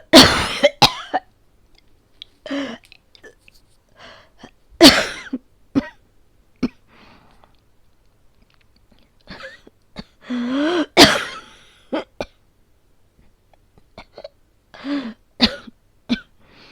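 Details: Simulated cough, acted by a woman for a situation-voice recording: repeated dry coughing bouts with throat clearing, about a dozen coughs with quiet gaps; not a real cough.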